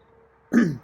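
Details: A single short, harsh cough from a feral cat that coughs sometimes when he first wakes up; he had likely just been woken.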